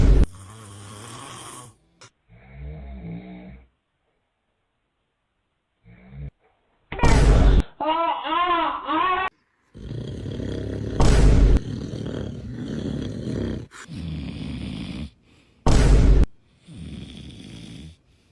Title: Best Baby Snoring Reactions! 👶😴